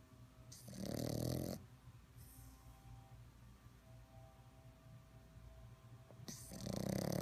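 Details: Two rattling, growly snores several seconds apart with quiet breathing between, from a sleeping puppy; snoring.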